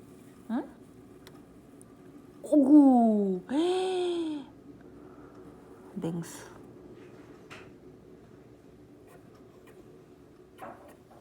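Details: Pet hamster with a cold: two short, high squeaky puffs, then a brief separate chirp, in a quiet room; coughing, since recovered.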